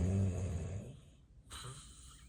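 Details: Real, unplanned daytime nap of a person with sleep apnea and daytime sleepiness: one loud, low, rattling snore fading to near silence, then a softer breath; possible apnea pause in obstructive sleep apnea.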